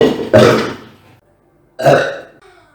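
Two loud, drawn-out throaty belches about a second and a half apart; ordinary burping.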